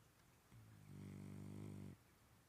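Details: Rossa, a sleeping French bulldog, breathing: one low, droning, second-long snore on a single breath in a quiet room; snoring from a short-nosed dog.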